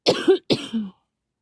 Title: ugh cough cough cough